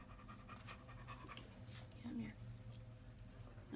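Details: Older German Shepherd with rear leg weakness and left buttock atrophy, before a chiropractic adjustment for atlas right superior: quiet, rapid panting over faint room noise and low talk.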